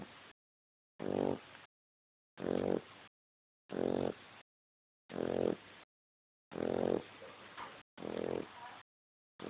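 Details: A 7-week-old Dogue de Bordeaux puppy sleeping after lunch snores with regular, rattling, slightly squeaky snores about 45 a minute, each followed by a quieter breath out.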